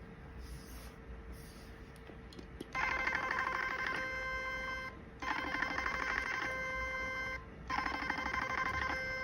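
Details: Portable 7D HIFU machine firing on the face with a 4.5 mm cartridge over cooling gel, worked from down to up for lifting: repeated bursts of rapid buzzing tonal pulses, each about two seconds.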